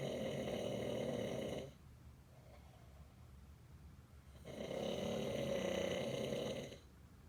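Two long, loud rattling snores with a quiet pause between them, about one breath every four to five seconds: ordinary snoring.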